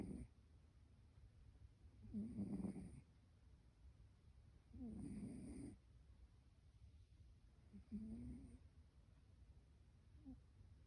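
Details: Cassie, a rescue cat, snoring while asleep and seemingly dreaming: soft rattling snores on each breath, about four over ten seconds, in a quiet room; ordinary sleep snoring.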